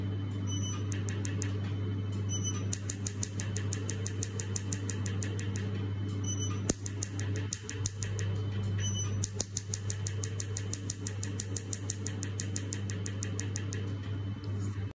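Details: Laser tattoo removal device in operation: rapid bursts of sharp clicking pulses over a steady low machine hum, with brief pauses.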